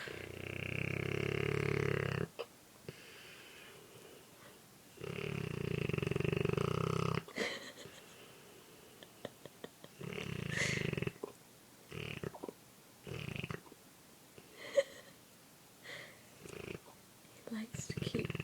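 Loud, rough snores about every five seconds, with snorts and lip-smacking sounds between breaths, from a large sleeping dog.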